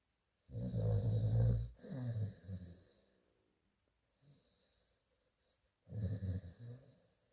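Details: Rescue dog up for adoption snoring in sleep: loud, low, rumbling snores in two long bursts with a quieter, softer breath between; snoring.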